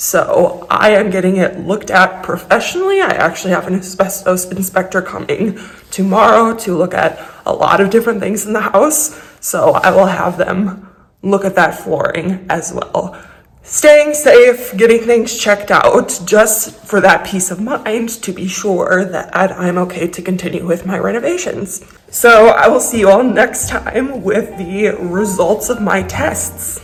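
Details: Vocal tremor in an adult woman who describes a lifelong vocal disorder that is a medical condition.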